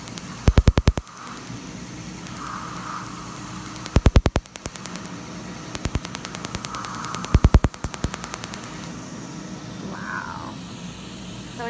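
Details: Rapid trains of sharp snapping clicks over a steady machine hum: a PicoSure picosecond laser firing during tattoo removal on a fairly large, mostly black-ink tattoo around the shin, a sensitive area; the patient likens it to a rubber band snapping.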